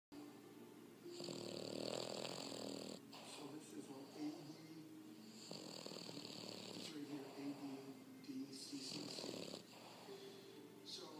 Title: Vocho snoring